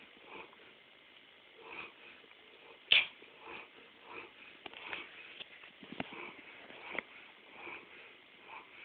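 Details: Sleeping Saint Bernard dog with steady, rhythmic rattling breaths about once a second and a sharp snort partway through; snoring.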